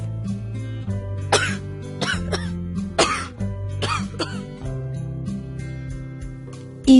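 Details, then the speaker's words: About five short, harsh coughs acted out as an example in a Grade 1 health lesson on covering coughs, over background music; coughing. "I learn what to do when I cough"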